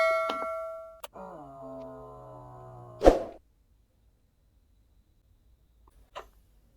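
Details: Beep, steady motor hum as the cuff inflates, release noise and closing beep: automatic digital blood pressure measurement, seated at heart level, reading 116/83 mmHg, pulse 78.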